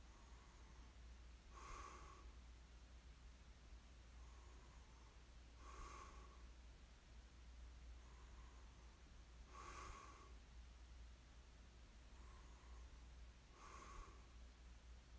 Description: 코 고는 소리 듣기 ASMR, Snoring ASMR, いびき ASMR